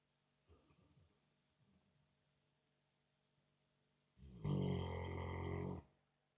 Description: My American bulldog snoring like a human. His snoring is loud. He keeps me awake at night sometimes